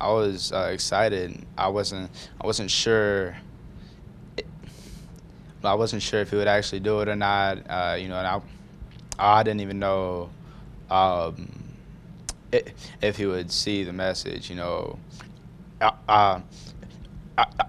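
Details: High school student who stutters, calling it a speech impediment, with audible repetitions ('I wasn't sure I wasn't'); stuttering.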